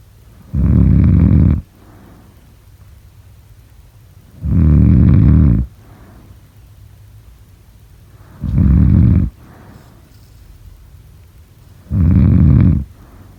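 Four loud, deep, rumbling snores about every four seconds, roughly 16 a minute, with quiet breaths between; steady heavy snoring.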